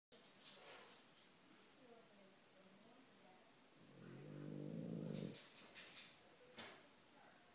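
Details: Dog resting in clean laundry: a soft, low breathing sound, then one loud, buzzing, rattling snore, with quiet room noise around it; snoring.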